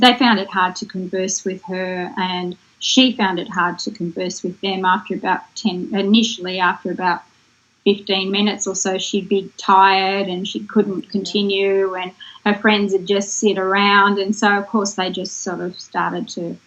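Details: Adult woman; normal speech.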